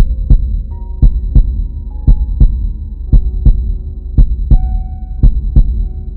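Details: Heartbeat sound effect; steady regular lub-dub at about 57 beats a minute over a faint background hum, with music; normal heartbeat.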